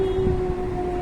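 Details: Adult woman before voice therapy, producing sustained 'oo' phonation on request; dysphonia with a weak, high-pitched voice.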